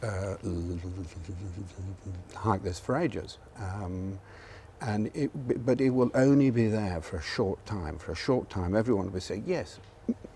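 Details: Adult man who stammers, speaking live on television; stammering (stuttering).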